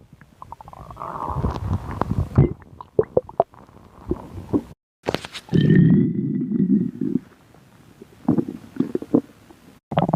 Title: My stomach growling (again..)